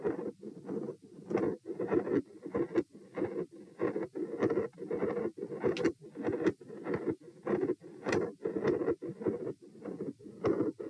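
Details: Heart auscultation at position P during a stress test (rates 72-90-102-114-90 bpm while lying, sitting, standing, bobbing, standing, lying). Periods of continuous machinery murmur with high-pitched clicks.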